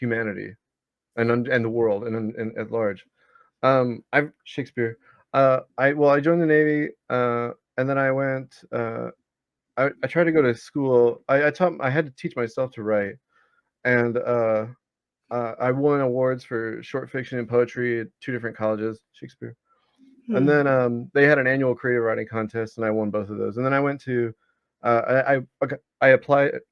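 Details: 34-year-old man with Tourette's disorder, onset at age 19 during Navy service, also with motor tics and comorbid OCD; involuntary recurring vocal tic of the word "Shakespeare"; vocal tic (Tourette's disorder).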